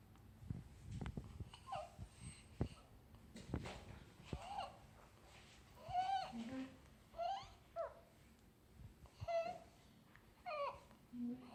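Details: Three-day-old newborn making brief, high-pitched squeaky sounds with breaths; described as stridor expected to resolve in about 1–2 weeks: stridor.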